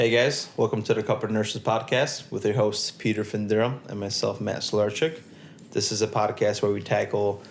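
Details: Adult male; Normal fluent speech.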